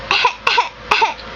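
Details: Young child deliberately making a fake cough she does all day: three short, light voiced cough bursts, a voluntary imitation cough rather than an illness cough.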